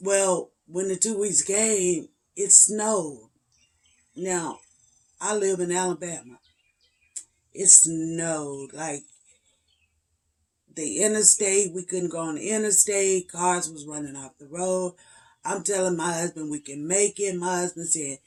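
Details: Adult woman with spasmodic dysphonia and voice tremors, treated with injections every three months, still having a hard time getting words out despite treatment; spasmodic dysphonia.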